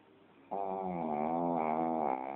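A steady, rough, rumbling tone during breathing from a small dog, consistent with snoring.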